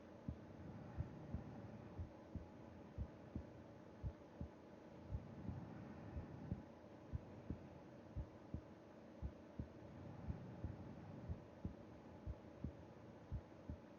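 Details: Heartbeat heard with the ear against the chest of a sleeping person: soft regular thumps at roughly 60 beats a minute under a steady rushing background; normal slow heart sounds.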